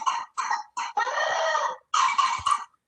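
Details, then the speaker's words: A girl with whooping cough (pertussis, Bordetella pertussis) has rapid cough bursts, then a long, high, crowing indrawn whoop as she seems to choke, the characteristic sign. "Entonces, quiero que escuchen claramente la tos. Es una tos, es una tos donde la persona tose, la niña tose, así, y luego como que se ahoga."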